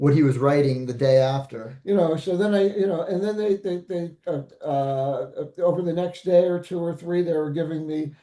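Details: Adult man, stroke survivor; aphasia.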